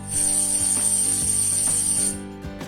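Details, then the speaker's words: Simulated tinnitus: a steady high-pitched whistle over a low buzz, illustrating the buzzing or whistling form of tinnitus. "while others here ocean sounds like this and it can also sound like buzzing or whistling like this"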